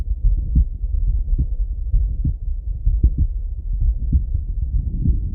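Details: Adult male heart auscultated by stethoscope: steady, low, regular thumping at about 75 beats a minute; normal heart sounds.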